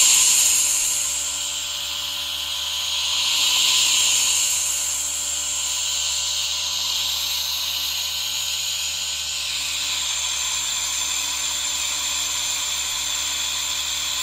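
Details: Steady airy hiss with a faint hum and soft misting swells: a nebulizer running alongside a humidifier, recorded as relaxation ASMR sound.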